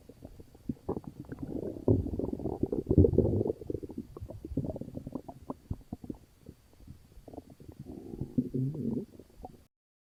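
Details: Frequent gurgling, squelching abdominal rumbles with bubbling runs, active bowel sounds (borborygmi) from an upset stomach.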